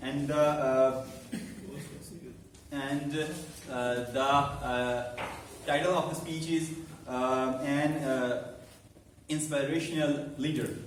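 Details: Adult man who stammers, about eight to nine months into a stammering support speaking club and has learned to accept it, hosting a live club meeting; stuttering.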